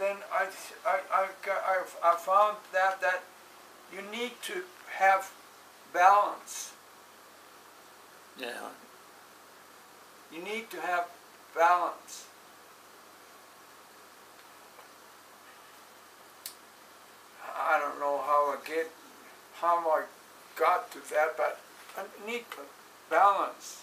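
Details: Adult with aphasia after a stroke on 5-3-2007, recorded in 2016; aphasia after stroke.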